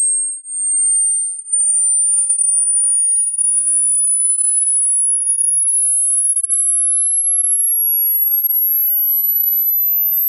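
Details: Hearing test: a pure, high-pitched tone rising slowly and steadily in pitch, used to check how old your ears are (age-related high-frequency hearing).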